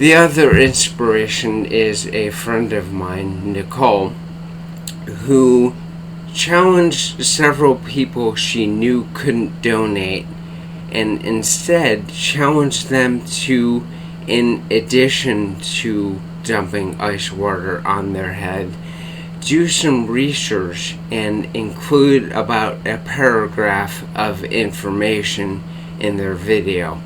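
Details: Adult man diagnosed with bulbar-onset ALS in April/May 2014, affecting speech, face, tongue and mouth muscles; tongue weakness, cannot speak rapidly, must take great care to speak clearly; dysarthria (bulbar-onset ALS).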